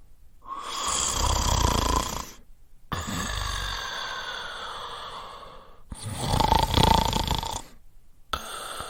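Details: Snoring sound effect: loud, rough, rattling breath sounds repeating in long cycles through both breathing in and breathing out; snoring.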